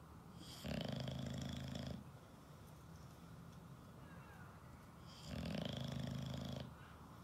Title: Ollie The Bulldog - Snoring Loudly #shorts